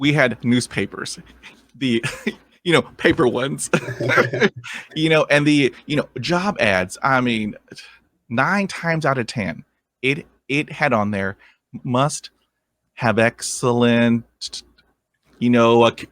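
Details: Stuttering in a 23-year-old man, a lifelong stutterer since early childhood who has had speech therapy and attended an intensive fluency program.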